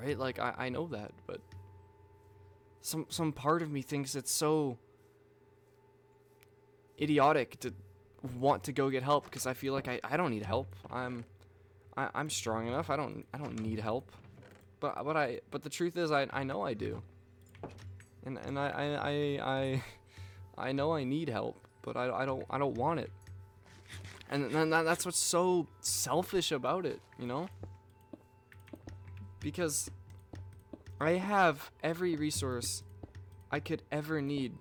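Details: Male speaker with self-reported stuttering, stumbling over words and repeating the same phrases over and over; he notes he is stuttering while speaking.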